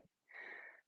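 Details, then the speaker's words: A sleeping dog snores in the background of a home bodyweight workout class: a single hissing, slightly whistling breath, a brief snore in a quiet room. "um have no planned interruptions unless somebody knocks on the door and the dog is also snoring in the background so sorry if you hear that"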